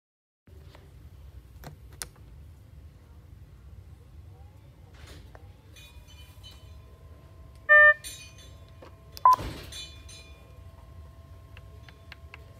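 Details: Nurse testing a defibrillator: two short electronic tone bursts over quiet room noise, the machine's self-test beeps.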